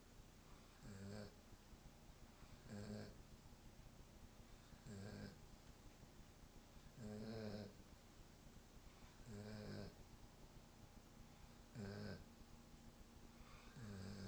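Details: Seven rhythmic, rattly snores, about 27 a minute, from a sleeping German Shepherd dog over a steady background hum; snoring.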